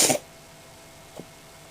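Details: Pet cat sneezing repeatedly after gazing out a window on a sunny March day, owner wonders if it is hay fever: a sharp hissy burst then a faint second puff.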